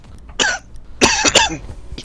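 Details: Three short, harsh coughs in a quick run, the last two close together, from a person coughing repeatedly while gaming who says they are coughing so much; repeated coughing.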